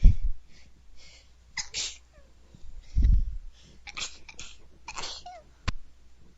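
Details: Person sneezing like a bunny: several small, quick, high-pitched, squeaky soft sneezes in a row with quiet gaps between.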